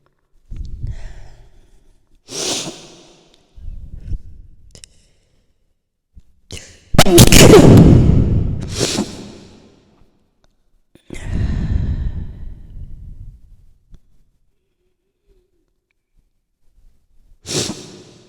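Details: Several sharp, forceful sneezes with breathy inhalations and sighs between, triggered by airborne powder that also irritated the eyes; a sneezing burst.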